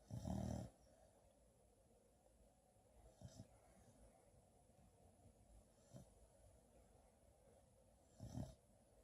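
Low rumbling snorts at irregular intervals with quiet breathing between them, in a quiet room: snoring during sleep.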